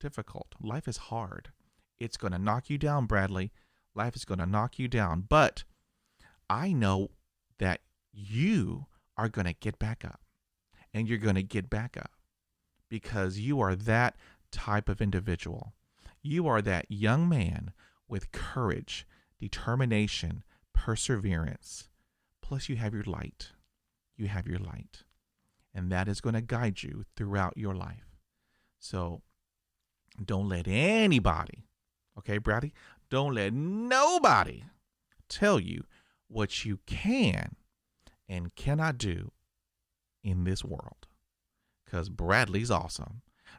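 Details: Adult who stutters, real stuttering.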